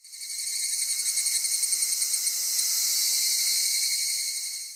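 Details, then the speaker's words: Simulated cicada-type tinnitus: high-pitched pulsing insect-like buzz like a swarm of cicadas in the ear, often linked to long noise exposure and accelerated hearing aging. "귀에서 매미 떼가 울리는 것 같아요. 이런 분들이 있으시거든요."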